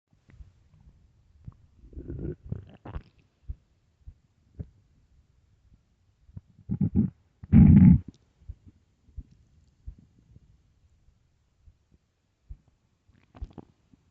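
Quiet gurgles then a few loud low rumbling growls; hunger stomach growling, normal gut sounds.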